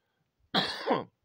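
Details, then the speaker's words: Adult man during a sudden coughing fit, possibly from a tickle in the throat from the air: a single harsh, partly voiced cough. "Przepraszam, ale złapał mnie jakiś histeryczny napad kaszlu. Nie wiem, o co chodzi."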